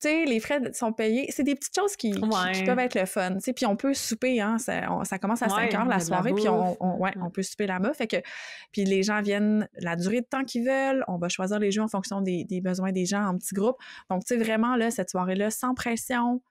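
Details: Adult woman speaking Quebec French; ordinary speech.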